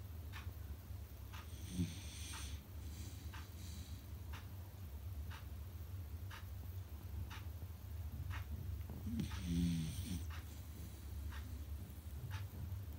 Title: Beagle puppy loud snores #dogsnore #beagle #trending #trend #sleeping #dog